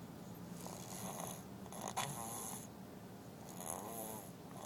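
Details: Girl asleep after wearing herself out, snoring with rough, rattling, snorty breaths repeating over a few seconds.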